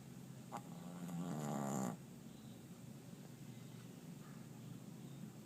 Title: Snoring... :)